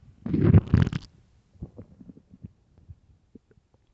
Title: best loud empty hungry stomach growls